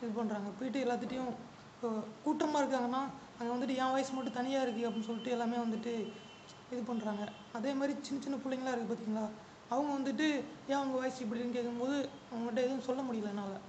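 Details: Male puberphonia patient, the 377th case treated at an ENT hospital, speaking before treatment; the doctor later calls the procedure very simple and the voice normal afterwards; finding: puberphonia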